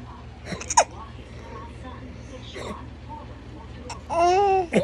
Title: Baby Hiccups|| #hiccupingbaby|